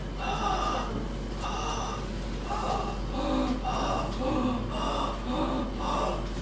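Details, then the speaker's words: Stethoscope on the back of a chest patient breathing in and out on command, before coughing: musical whistling and lower snoring-like polyphonic rhonchi over background noise. "انا بسمع دلوقتي روم كول، خد نفس يلا طلع، خد نفس طلع اهو."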